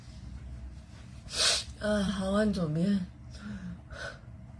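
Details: Girl sneezing during a Covid-19 nasal swab test, from a TikTok compilation: a sharp sneeze burst followed by a gasping voiced cry and smaller sneezes; sneezing triggered by the nasal swab.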